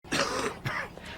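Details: Acted adult cough from a commercial for a cough and chest-congestion medicine: two short, harsh, throaty, congested-sounding bursts, one right after the other, close to throat clearing, in a severe chest-congestion, high-mucus scenario.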